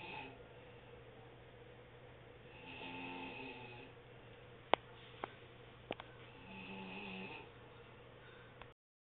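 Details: Adult woman (aunt) snoring while napping at 1 pm, recorded on an HTC mobile phone: two soft, drawn-out rasping breaths a few seconds apart, with sharp clicks between, in a quiet room.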